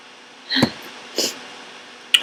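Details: Sick person whose nose has tickled all day, teasing out sneezes: two or three short, sharp nasal bursts with false starts in a small room, as a goopy sneeze builds.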